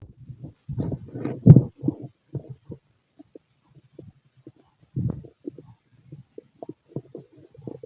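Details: Male's stomach growling: low gurgling and rumbling bursts with scattered short bubbling pops, loud in person; normal bowel sounds of a healthy digestive system.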